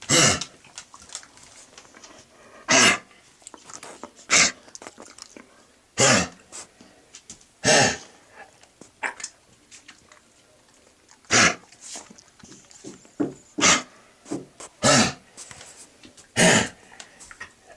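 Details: Fit of harsh, dry, honking coughs with retching and short pauses from a dog with a chronic recurrent kennel-cough-like cough. It comes and goes over about 4 years, lasts days at a time and rarely brings anything up.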